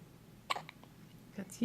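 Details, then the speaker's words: Newborn baby, 16 hours old, with hiccups: a single sharp, brief catch of breath with a soft vocal click, then quiet room sound. "16 hours old. And you have hiccups."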